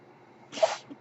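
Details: Speaker's own mechanical ventilator heard while he talks on a podcast: a brief airy hiss of air flow in a quiet room, the puff of the ventilator delivering a breath.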